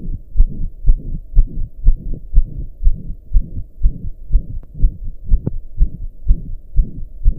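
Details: Own heart recorded lying down, tired after pounding hard for hours: a regular heartbeat at about 120 beats a minute with a loud whooshing sound between beats, a heart murmur.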